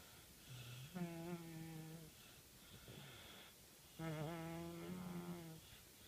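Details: Man sleeping face-down during a nap: two long, buzzing, low-pitched droning snores separated by quieter breathing in a small room; ordinary snoring.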